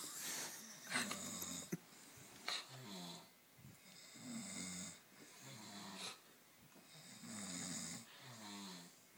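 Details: Two friends snoring at each other, the night after a party, eventually in sync: repeated rough, rattling snores on each in-breath with hissing breaths out between; ordinary snoring.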